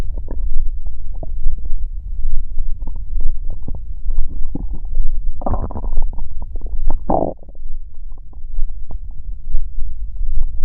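Loud low rumbling and gurgling from the abdomen with bursts of bubbling; ordinary stomach growling.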